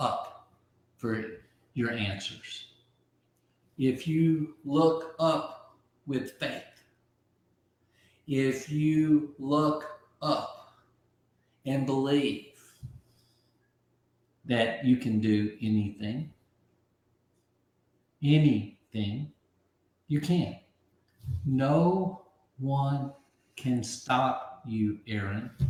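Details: Aphasia after a stroke about 15 months earlier; at first he could not be understood at all, and he has since relearned over 20,000 words.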